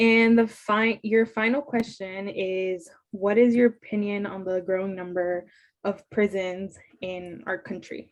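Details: Adult interviewer; fluent speech.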